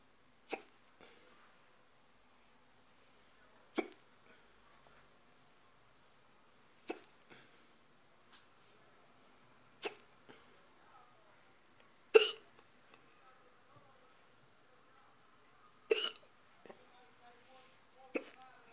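Sharp, brief hiccup sounds recurring about 16 times a minute at uneven intervals in a quiet room.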